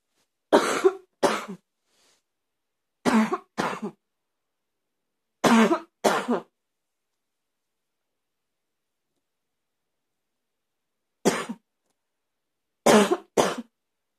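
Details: About nine harsh, barky coughs from an adult, mostly in pairs, with quiet pauses between bouts: a barking cough.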